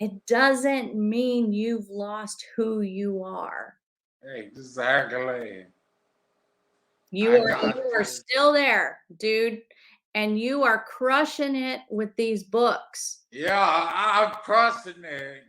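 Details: Adult conversational speech, likely two speakers; ordinary speech.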